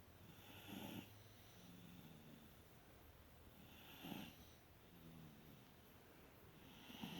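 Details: Sleeping toddlers, very tired after a long day: soft, low rumbling snores recurring every few seconds, about 18 a minute, against quiet room noise. Ordinary snoring.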